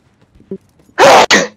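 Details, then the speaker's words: A single loud sneeze from an old man, sneezed into a microphone: a faint throat sound, then one explosive sneeze in two quick bursts. "my bad i forgot i sneezed right into the mic sorry that was unintentional"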